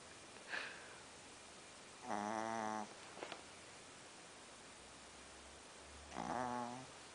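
Two tonal, buzzing snores about four seconds apart against room hiss; snoring during sleep.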